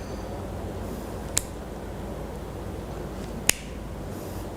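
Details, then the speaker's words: Two sharp, crisp clicks about two seconds apart over steady room hiss: an insulin pen being dialled 1–2 units for priming before injection, in a nursing demonstration of insulin administration. "kita lakukan priming jadi untuk memastikan bahwa nanti e insulin itu bisa keluar jadi ini bisa diputar di sini kita putar satu sampai dua kemudian kita eh suntikkan"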